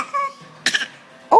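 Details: Young child gives short, forced voluntary fake cough bursts after a brief faint tone.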